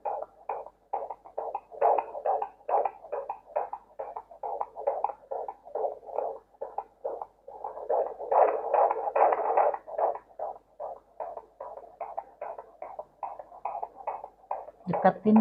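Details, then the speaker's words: Fetal heartbeat on Doppler, heard above the umbilicus because the fetal head lies high, with the mother told to calm her breathing: fast, regular whooshing at 140 beats per minute, a normal fetal heart rate. "biar kedengaran suaranya Nah Bagus Bu ya 140 kali per menit"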